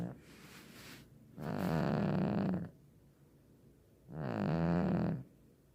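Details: Cat snoring in its sleep: two rough, fluttering snores on the in-breath with quieter out-breaths, about 22 breaths a minute.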